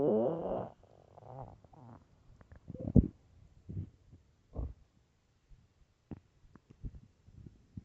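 An opening gurgling growl, then scattered soft rumbles and brief pops: hunger growling from an empty stomach, a normal sound.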